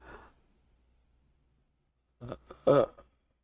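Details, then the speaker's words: Belching after drinking melon ramune soda, eight days after Botox treatment for retrograde cricopharyngeus dysfunction (inability to burp): a short, low belch, then a second stronger burp after a quiet pause. "Oh, it's hard to control. Like my brain wants to stop it. No, let it happen."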